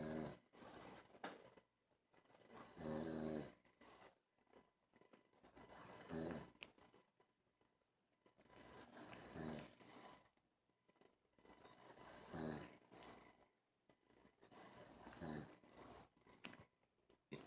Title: Snore away